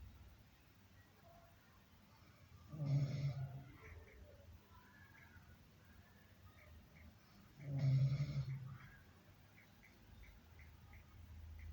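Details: Two snorting snores, about 12 a minute, in a quiet room with faint background sounds; snoring.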